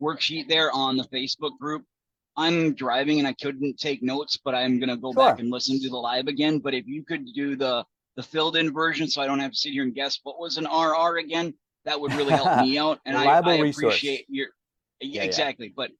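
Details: Adult male speaker; ordinary speech.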